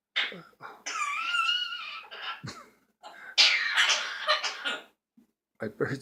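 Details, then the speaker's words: Several harsh cough bursts with voiced sounds and short pauses from a child with a cold, at bedtime in a small room. "We're gonna have to get you something for that cold. If you keep coughing like that."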